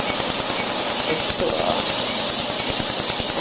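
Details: Tattoo removal laser, starting with a test spot: rapid, steady snapping pulses, roughly three per second, over a hissing hum.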